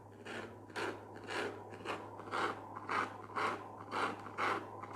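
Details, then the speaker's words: Rhythmic whooshing pulses at roughly 115 per minute: the speaker's own baby's fetal heartbeat picked up by Doppler. "여러분 이런 소리예요. 네, 애기 심장 소리입니다."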